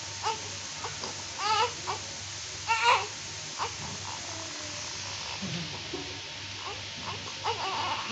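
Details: Short, breaking cries from a newborn just after birth, noted to have oily skin, with quiet room noise between cries; newborn cry.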